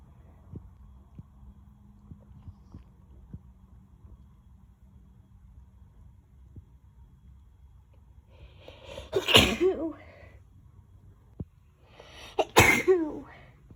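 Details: After a quiet stretch, an adult gives two forceful sneezes in quick succession, each preceded by a drawn-in breath: sneezing fit.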